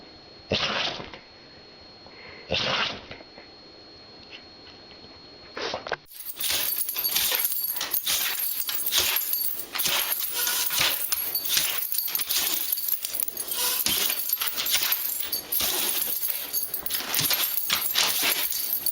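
Short, sharp nasal bursts from dogs, a few spaced sneezes, then a rapid run of sneezing under louder hissy noise.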